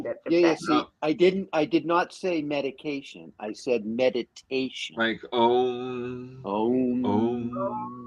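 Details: Adult man speaking; ordinary speech.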